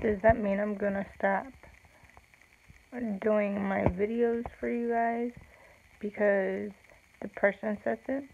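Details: Speech of an adult woman with cerebral palsy, real; slow with long pauses, no specific speech disorder named.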